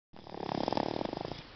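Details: Rattling, fluttering snore during sleep, at 6 months of age.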